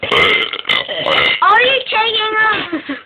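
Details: Girl burping continuously on purpose: a run of loud, voiced belches strung together for about three seconds; continuous deliberate burping.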